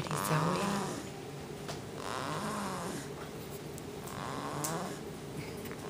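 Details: Soft, rough, rhythmic snoring breaths about 30 a minute, some faintly whistling, from a sleeping 2-month-old lying on a person's belly; owners attribute it to her sitting position; snoring.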